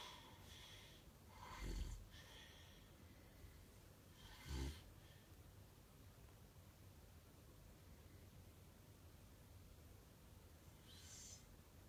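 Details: Snoring: faint, irregular low snorts on breathing in over steady room noise.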